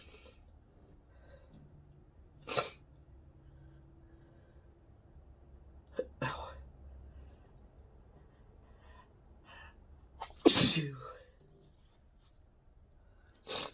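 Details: Four sneezes, some in quick doubles, with quiet breathing and sniffing between: repeated induced sneezing, possibly from sensitivity or allergy, about three minutes into the fit.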